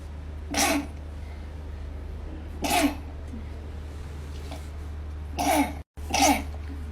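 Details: Sneezing fits induced during resdung (nasal/sinus) treatment.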